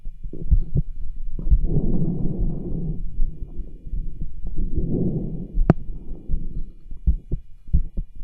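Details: Auscultation with a cardiology stethoscope over the tricuspid, aortic and pulmonic areas while the patient does pushes to exaggerate the heartbeat: long, low rushing and scratchy noise between beats, plus handling thumps. Murmurs and rubs, clearest over the pulmonic area.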